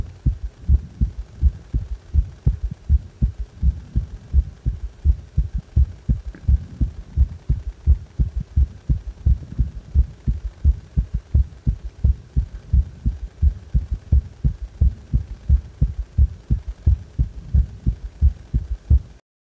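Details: Heart sounds with a strong third heart sound: regular rhythm about 85 beats a minute, an extra low dull sound after the second sound giving a galloping rhythm.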